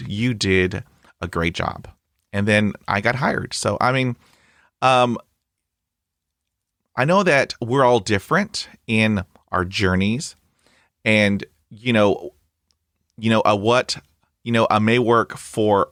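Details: Adult man who stutters, hosting a real podcast; this stretch has repetitions. Finding: stuttering.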